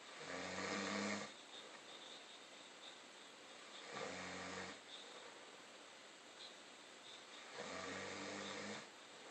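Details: Snoring: three loud, rough, vibrating in-breath snores about every four seconds, with quiet breathing between.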